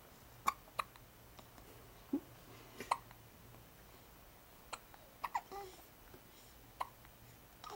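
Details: Two infants with dueling hiccups: repeated short, sharp hiccups at uneven intervals, about two dozen a minute, with soft baby babbling.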